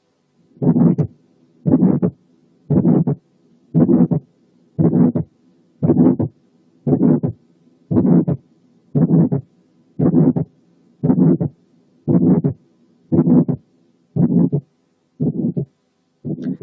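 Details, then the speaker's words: Pulmonary hypertension: regular heartbeat near 58 a minute with a functional ejection systolic murmur, an ejection click, and a closely split second sound with a very accentuated pulmonary component. "نفس الفانكشنال ايجكشن سيستوليك murmur ممكن تحصل كجزء من الاوسكالتاتري manifestations of pulmonary hypertension، وفي الحالة دي بيكون مع الميرمر في ejection click، والسكند ساوند بيكون closely split، والسكند component بتاعته اللي هي البالمونري component بتكون very accentuated زي المثال الآتي."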